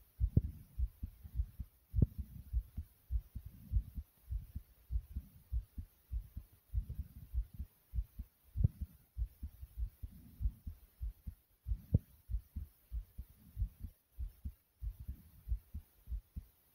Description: in this video my heart was beating very quickly and breathing just as hard.